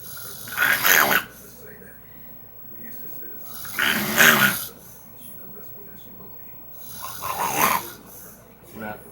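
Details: Loud, rasping snores from a sleeping female, about every three to four seconds, three clear cycles with quieter breathing between: snoring during sleep.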